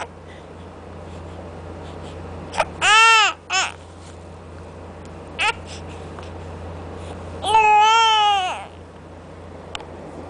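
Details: Baby's brief crying: two short, high, voiced infant cries with brief squeaks between them over steady room hum.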